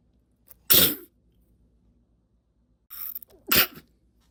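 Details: Stifled sneeze from a recording labelled (F): a sharp, hissy burst, then after a pause a brief nose blow and a second abrupt burst.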